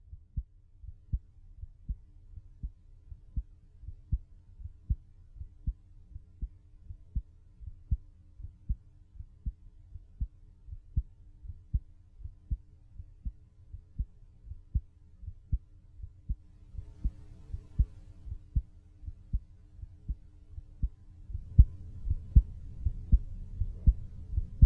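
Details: Adult's own normal heartbeat recorded in a studio with a microphone half a foot outside the body: steady low thumping at about 79 beats a minute, regular rhythm; volume changes are from recording level adjustments.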